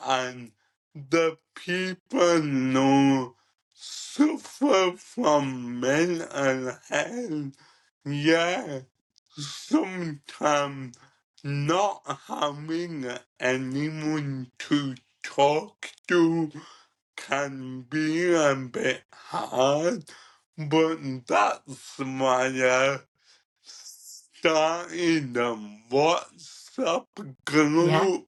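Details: Ataxic dysarthria in a 27-year-old man with cerebral ataxia, present from birth and diagnosed at about 15; he describes it as degenerative, affecting his coordination, talking, movement and daily tasks.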